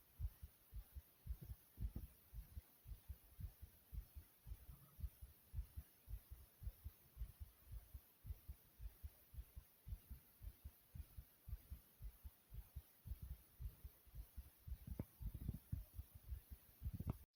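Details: Rapid, regular low heartbeat thumps self-recorded at the chest, running fast at roughly 110 beats a minute: fast heartbeat.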